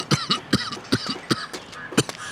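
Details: Acted cough in a dubbed Arabic comedy short: a run of about five short, sharp adult coughs with softer catches between them, shown as coughing from heavy smoking.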